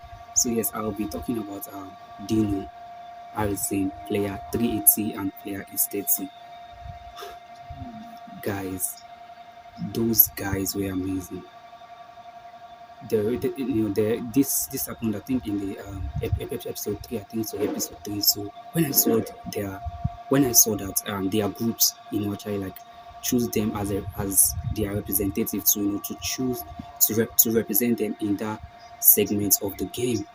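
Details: Stuttering in an adult who calls themselves a stammerer; this stretch has a broken word and a repeated word.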